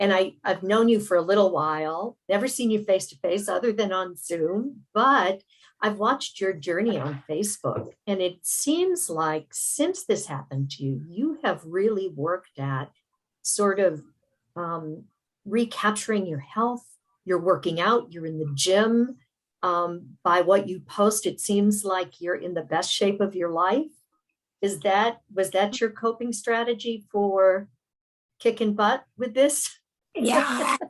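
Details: Adult woman speaking; typical speech.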